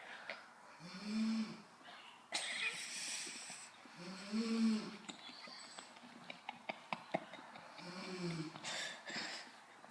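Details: Adult woman (a mother) snoring while asleep: rhythmic low, rumbling snores with noisy breaths between them, about 17 a minute.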